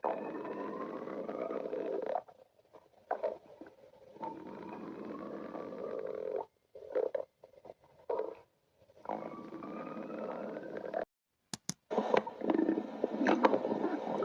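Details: Badger named Sticks: long, gurgling, rising growls from the belly, stomach rumbling from gas and fluid moving through the gut; stomach growling (borborygmi).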